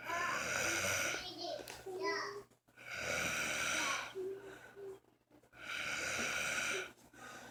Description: He does it when his fans not on. And it gets louder than this.